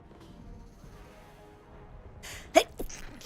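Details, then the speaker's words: Streamer with terrible allergies that day sneezing repeatedly: a quick breath in, then one sharp sneeze with a smaller follow-on burst over quiet background music; allergic sneeze. "oh my god the sneezing is ridiculous today"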